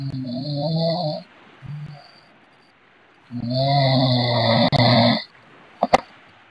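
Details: Two long, deep, rattling snores separated by a quiet pause, with a brief noise at the end; snoring.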